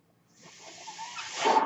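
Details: A soft, airy hiss builds steadily over about a second during a pause in speech: the gas flow of one breath from the speaker's own mechanical ventilator, a ventilator breath cycle.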